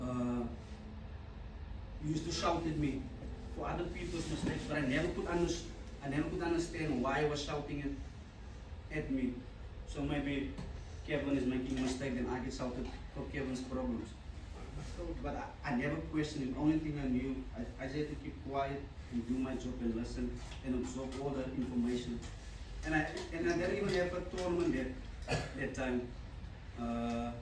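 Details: Adult man, a former rugby sevens player, who stutters. He says his stutter was very severe in childhood. Finding: stuttering.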